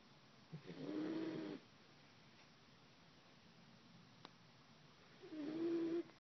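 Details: Dog snoring loudly while someone tries to wake her: two long, rattling snores about four seconds apart with quiet breathing between, in a quiet room.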